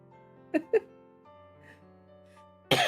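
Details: Two quick dry cough bursts over soft background music, then a sharp third burst, from a streamer who attributes her coughing to allergies.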